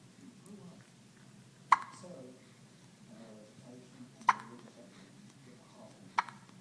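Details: Hiccups in a 1-week-old baby: three sharp, abrupt hiccups roughly two to three seconds apart, with soft voice sounds between them.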